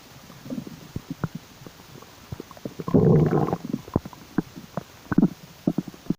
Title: more Strange noises from my Tummy 😳😁💓